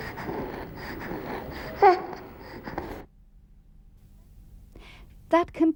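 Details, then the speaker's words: Child in a stridor-identification training exercise, noisy breathing with brief musical sounds on breathing out: expiratory wheeze, not stridor, which is a harsh sound on breathing in. "we heard a wheezing sound when breathing out therefore we decided that hassan did not have stridor stridor is a harsh sound on breathing in this child has wheeze when breathing out"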